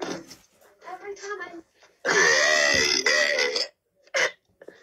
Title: Kids burping in front of the camera